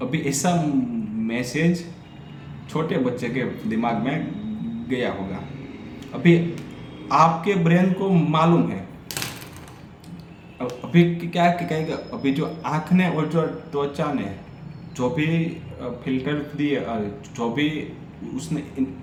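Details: Adult man who stammers, on Day 6 of a daily stammering practice routine, reading a story aloud in Hindi, with audible repetitions and revisions; stuttering.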